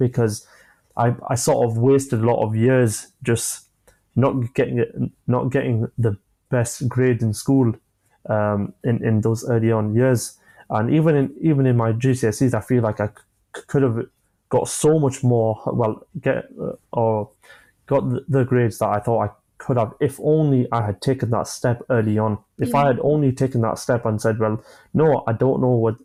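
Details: 25-year-old man with a stammer since early childhood, onset after an asthma attack, describing blocks managed with breathing methods and pauses; stammering.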